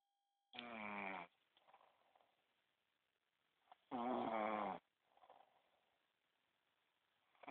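Two loud, buzzing snores about 3.5 seconds apart, each followed by a soft exhaled breath, in an otherwise quiet room.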